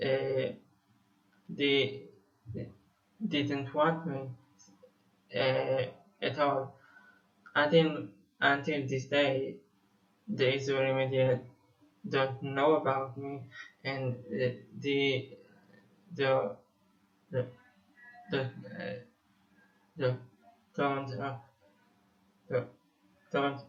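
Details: Stuttering in a 25-year-old male Israeli musician who describes himself as having stuttered for almost 21 years.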